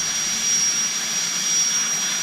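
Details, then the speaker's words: Steady high-pitched whine with hiss of a dental handpiece running a bur with water spray, doing interproximal reduction on a stone model for aligner training, gently brushing through a deep, broad posterior contact until fully open. "continue in that fashion just a gentle brushing until we are actually all the way through there"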